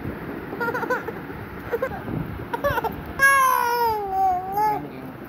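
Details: Baby girl crying for milk: short whimpers then a long rising-and-falling wail; infant hunger cry.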